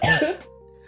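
A single short, harsh cough from an adult with a cold, fading into soft background music.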